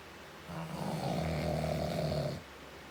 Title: This is my dad snoring